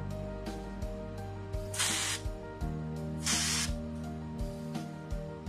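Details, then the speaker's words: Disposable three-way syringe tip on a dental syringe, air spray tested for strength: two short bursts of loud hissing air over background music; dental air syringe spray. "อันนี้นะคะเดี๋ยวเราจะลองเทสดูความแรงนะคะจากการสเปรย์โดยใช้หัว disposable tip นะคะเป่าลมนะคะฟังเสียง"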